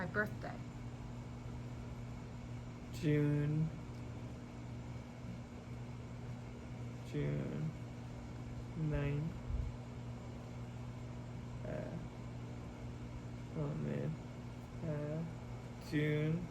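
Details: Expressive aphasia with oral apraxia and right-sided paralysis in a man who had a hemorrhagic stroke at 27; halting, effortful speech with long pauses giving his birthday, almost two years post-stroke after intensive speech therapy.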